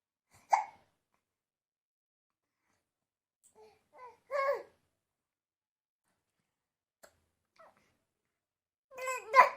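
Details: A baby boy with hiccups: several short, sharp hiccup sounds between quiet pauses, with a little babbling.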